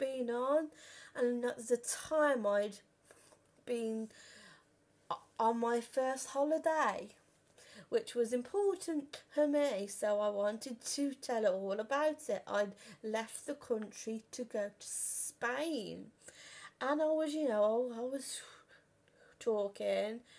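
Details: Stammering in an adult woman who has stammered since about age five or six.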